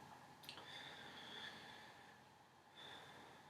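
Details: Normal breath sounds auscultated anteriorly and posteriorly during an assessment, patient taking deep breaths: soft, slow airy rush in and out, clear, no crackles, rales or wheezes.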